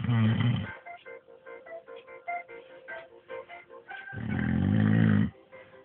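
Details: A man asleep: two long, deep, rumbling snores with plucked music playing between them; loud snoring.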